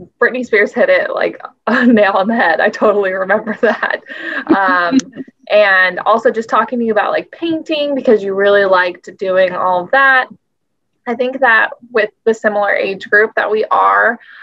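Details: Adult woman speaking; Normal speech.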